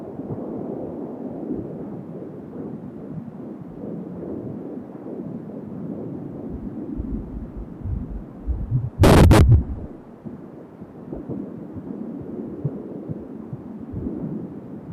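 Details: Fetal heartbeat on Doppler at 16 weeks of pregnancy: rapid, soft, whooshing beats under steady static, with a loud scraping burst of probe noise partway through.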